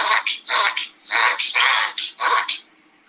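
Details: Reverse sneeze in a veterinary patient with respiratory symptoms.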